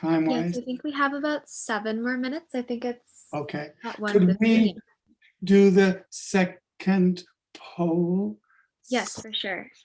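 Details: Adult woman; normal speech.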